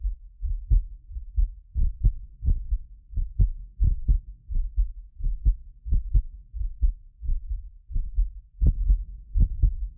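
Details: Heartbeat of a self-described medically fit person, recorded with several precision contact microphones for ASMR: steady low lub-dub thumps about 87 a minute; occasional doubled clicks from a ~6 ms delay between microphones; normal heart sounds.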